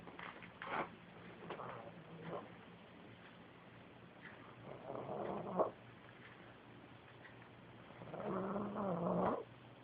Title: Pug Snore